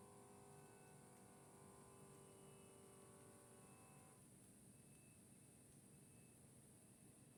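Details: Omron HEM-7120 automatic upper-arm blood pressure monitor used seated and relaxed: steady pump whir as the cuff inflates, then softer hissing as air releases.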